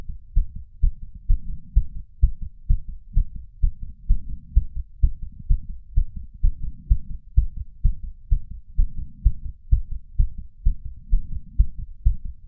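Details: Racing, regular pounding heart of a 31-year-old man after exercise, recorded with a lapel mic and small ceramic bowl, about 150 slowing to 130 bpm with faint breath sounds: sinus tachycardia after exercise.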